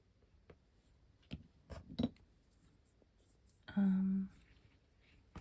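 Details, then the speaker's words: Brief, low, droning stomach growl from an adult drawing with oil pastels, heard among quiet drawing scratches in a small room; stomach rumbling (borborygmi). "If you hear my stomach rumbling or giggling cuz it's you can blame my dad."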